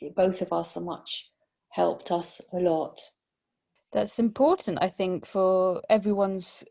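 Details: Post-stroke aphasia in a 62-year-old whose stroke occurred during sleep about 18 months ago, with word-finding and comprehension difficulties; aphasia.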